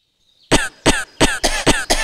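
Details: Cough syrup advertisement: distinct coughing sounds from a mother struggling with a cough in a living room while her child plays with a DJ mixer nearby.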